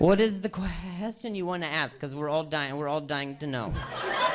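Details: Stuttering in an adult male comedian who stutters, performing live stand-up crowd work; repetitions of words and phrases are heard.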